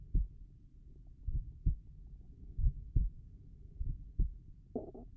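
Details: Slow, regular paired heart sounds at about 47 beats a minute, described as tricuspid valve heart sounds, with no murmur heard; normal heart sounds.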